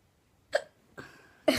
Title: got the hiccups